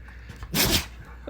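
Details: Dog sneezing: a single short, sharp sneeze in a quiet room, followed by someone asking if the dog is alright.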